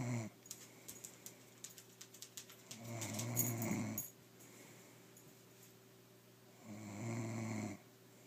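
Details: A person asleep making low, buzzing snores on each in-breath, two full snores several seconds apart, with faint clicking in the room; ordinary snoring.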